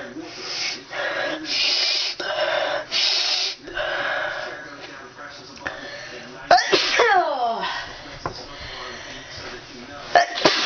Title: Random Sneezing With Pepper